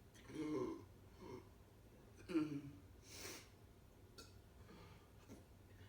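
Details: A child coughing a few short coughs, each with a sharp start and a voiced tail, plus a breathy huff, in a quiet room: cough.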